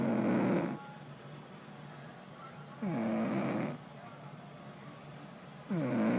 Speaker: all right my wife is snoring she does not believe she's a snorer she says i'm a heavy breather i'm going to prove her